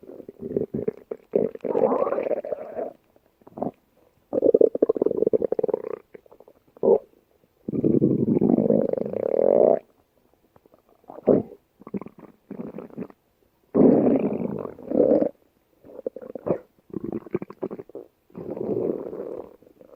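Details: Irregular gurgling and rumbling bursts from the abdomen: ordinary stomach growling (borborygmi).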